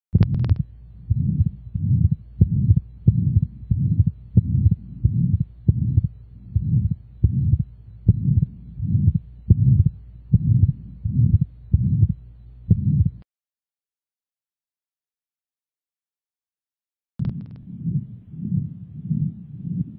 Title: Congenital Heart Disease Sounds ❤️𝐜𝐚𝐫𝐝𝐢ology